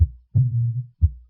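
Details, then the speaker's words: Cooing dove murmur of aortic regurgitation heard at the left sternal edge: low heart sounds with a musical, humming cooing murmur between them, from a cusp abnormality such as retroversion. "The origin of this murmur is controversial, with some evidence indicating that it is due to the vibration of the abnormal aortic cusp, while other observations suggest that it is due to vibrations of the posterior aortic wall."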